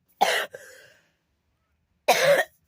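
Two short, harsh cough bursts separated by a pause of over a second, in a quiet room.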